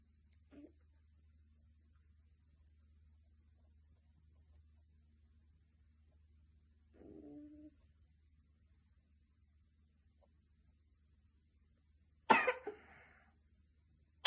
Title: 11/06/2024 Chronic cough (#Asthma)